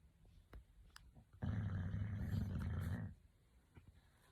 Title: Loudest snoring ever!!!!!